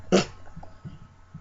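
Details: 6-year-old boy forcefully pushing air out on almost every exhalation, even asleep; parent suspects a nervous tic, OCD, Tourette's or PANDAS. One abrupt, forceful puff of breath, then quiet breathing.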